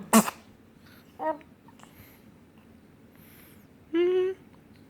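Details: A single sharp sneeze from a young child, followed by small vocal sounds and a brief cry-like call, with adults talking quietly in the background; sneeze.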